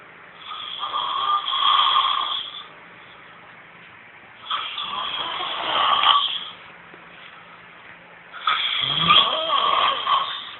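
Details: Adult man snoring: loud, harsh, drawn-out snores roughly every four seconds, about 15 breaths a minute; snoring.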